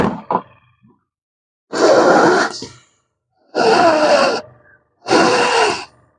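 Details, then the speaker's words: Three short hissing puffs at steady intervals, each triggered by a breath, as a GCE Zen-O lite portable oxygen concentrator delivers pulse-dose oxygen after repair of a no-pressure fault. "So ang trabaho niya para siyang pressure support kasi ba't makadetect siya ng makakadect siya ng ano pag naka-detect siya ng presyo ah flow saka sa magbibigay kakaiba rin siya hindi siya continuous gu"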